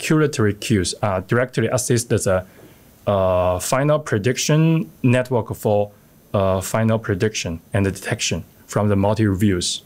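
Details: Adult male speaker; normal speech.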